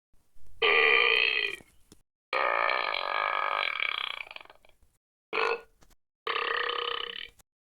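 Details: Sound-effect burping from an animation toolkit: four drawn-out, voiced belches, one long and croaky.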